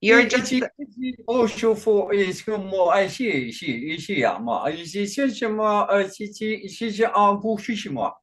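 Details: Man with Functional Neurological Disorder and foreign accent syndrome since 2019, alongside non-epileptic seizures, accent changing day to day, no control over output; today a Chinese-sounding accent during a bout of gibberish; foreign accent syndrome with gibberish speech.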